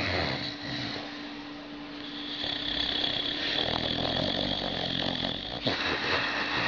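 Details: Dog snoring: rough, rattling breathing over a steady background hum.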